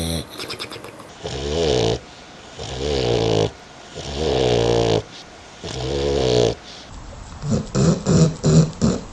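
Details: Loud, rumbling, fluttering snores from a sleeping dog, with several long breaths followed by a run of shorter snorts; normal dog snoring.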